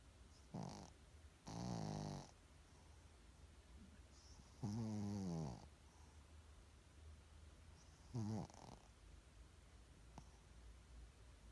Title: Wally snoring!!!!